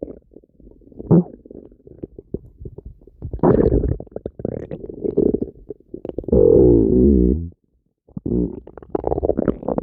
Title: Violent Stomach Noises